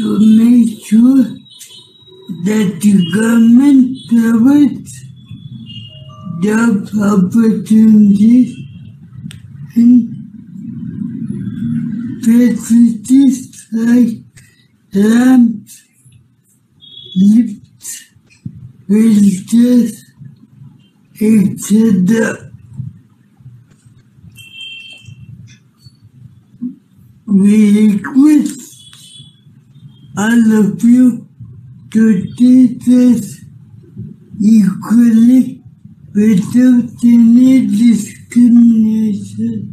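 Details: Young adult male with cerebral palsy who as a child could not hold things or walk, had balance problems, drooled and spoke very slowly; speech broken into short fragments with pauses; dysarthria in cerebral palsy.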